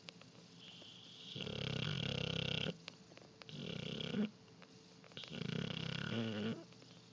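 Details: Snoring from a sleeping Neapolitan Mastiff: three loud, rumbling snores, each a long rattling breath with quiet pauses between.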